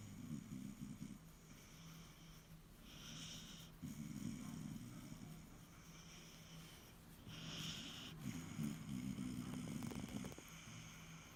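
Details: Irish terrier snoring contentedly while asleep: soft, low rumbling snores with a faint snort on some breaths.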